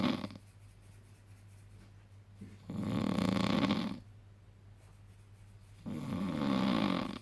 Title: Dad snoring after fishing!